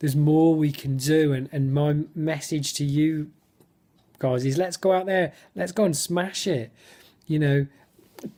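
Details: Male stammerer in spontaneous speech in a football fan-cam interview, with his speech technique gone; he describes lots of blocks and clearly overt stammering; stuttering.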